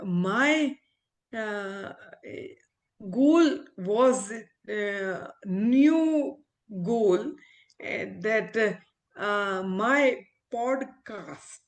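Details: Adult woman, a former ophthalmologist, with aphasia after a stroke; she could not speak in the early days and is now, about a year on, still recovering with a speech-language pathologist. Aphasia.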